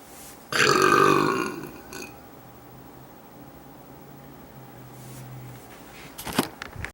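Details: Girl burping while folding laundry in her room: one loud, voiced belch lasting about a second, then quiet room noise and rustling; burping.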